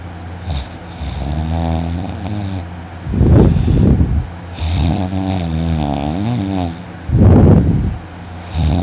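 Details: Adult's heavy snoring while sleeping in one morning: loud, low rattling snores on each breath in with rough breaths out, about 15 cycles a minute; the snorer reports a very sore throat afterwards.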